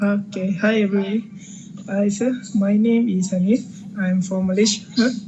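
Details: 29-year-old Malaysian man with puberphonia persisting since puberty, often mistaken for a woman, recorded before voice therapy; puberphonia.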